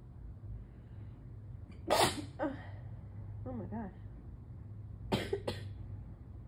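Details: Morning allergy sneezing: a forceful sneeze, a brief voiced sound, then two quick sneezes in a quiet room; repeated sneezing.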